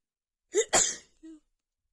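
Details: Woman with a bad head cold and unbearable nasal tickle: a sharp inward catch, then one forceful, hissing sneeze and a brief voiced sound after, in a quiet room.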